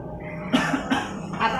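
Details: An adult gives about four short, forced dry cough bursts over steady low room noise, acted for a cough-syrup advertisement skit; an acted cough.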